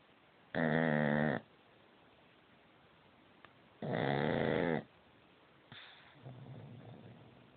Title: Loudest snoring ever!